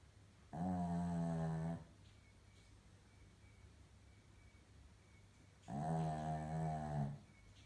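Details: Maltese/Shih Tzu dog with a snoring problem: two long, low rattling snores on breathing in, separated by quiet pauses; snoring.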